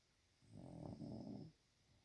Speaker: You're snoring. You were snoring. Yes, you were. How embarrassing.